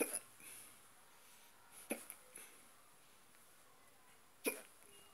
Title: stubborn hiccups part2